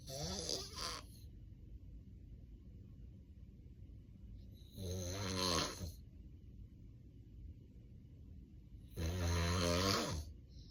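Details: Real, unplanned daytime nap of an adult with sleep apnea and daytime sleepiness: loud, harsh snores recurring about every four to five seconds, heavy breathing and apnea pauses, obstructive sleep apnea snoring.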